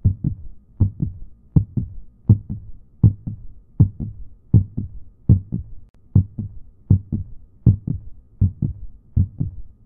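Steady paired lub-dub heart sounds at about 80 beats a minute, regular rhythm.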